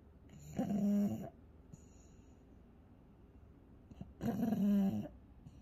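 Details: Snoring in a sleeping pug: two loud, rattling, buzzy snores several seconds apart with quiet breathing between.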